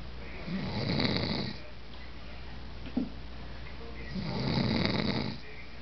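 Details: Dad snoring in sleep: two long, rough, rattling in-breaths with a quiet pause between.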